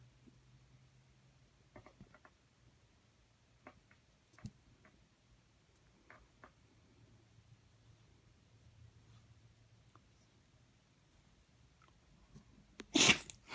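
A quiet stretch of soft ticks and low room hum ends in one sharp, forceful dog sneeze.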